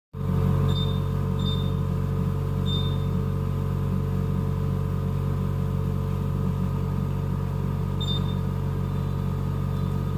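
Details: Neonatal ventilator in the NICU: a steady low mechanical hum with a few faint, short high chirps; ventilator operating sound.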